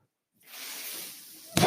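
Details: After brief silence, a steady airy hiss of delivered airflow lasts about a second and ends in a sharper burst, from the speaker's own ventilator during their podcast: a mechanical ventilator breath cycle.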